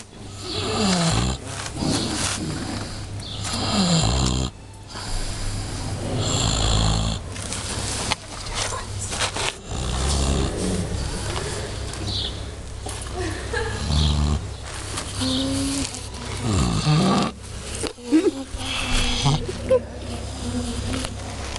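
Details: Pig on a horse-riding farm snoring: loud, rough, rumbling breaths and snorts over a steady low background hum.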